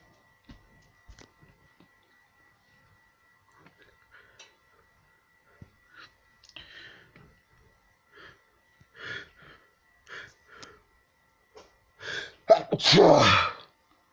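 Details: A person with constant, non-stop sneezing: quiet sniffs and catching breaths build up to one loud, forceful sneeze near the end.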